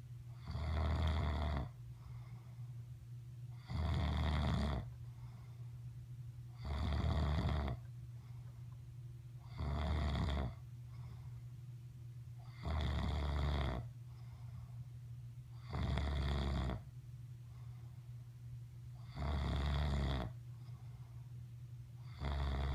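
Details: Father snoring, September 2015: steady, loud, rumbling snores about 20 a minute, one with each breath in, over a low room hum; ordinary snoring.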